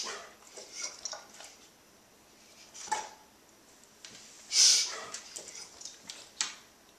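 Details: A dog recorded on 2011-02-22 makes scattered short, hissing snorts, one louder than the rest; a mild reverse sneeze.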